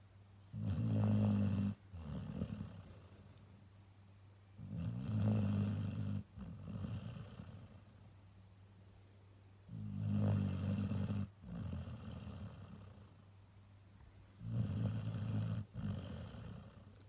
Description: Cuba the Cocker Spaniel snoring after a heavy weekend of walkies